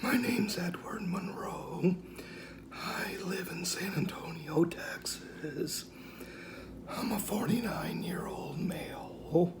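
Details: 49-year-old man, diagnosed at 35 in 2004 with rare mixed adductor/abductor spasmodic dysphonia, self-described somewhat severe; Botox injections do not last long, he really needs his next one; a normal day for his voice.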